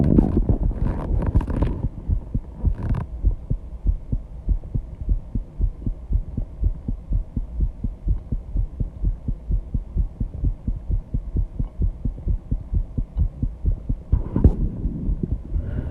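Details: Heartbeat after intense exercise at 134 bpm, loud enough to hear without the microphone at the start: fast, deep thumping with rustling and heavy breathing noise, a quickened heartbeat after exertion.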